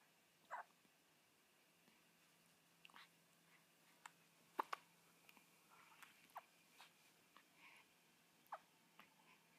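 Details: Hiccups in a 7-day-old newborn girl, which stopped after her back was rubbed: soft, brief catching sounds recurring irregularly over several seconds in a quiet room.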